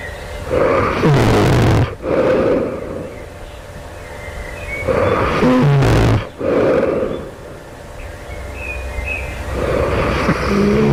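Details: Loud, harsh, rattling snores on each breath, about 14 a minute, with rumbling out-breaths between them, just before waking at night; the sleeper asks whether this suggests developing sleep apnea; snoring.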